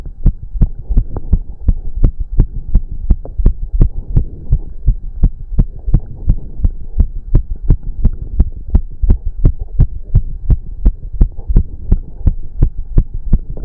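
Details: Male's strong, regular thumping heartbeat at about 170 a minute during a 30-minute cardio workout, with heavy breathing and a steady low hum: fast heartbeat during exercise.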